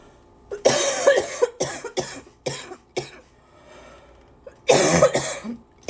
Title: #83 - lots and lots…and lots of coughing